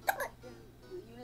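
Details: Two quick, sharp hiccups from an infant girl during a severe bout of hiccups, with a song playing in the background.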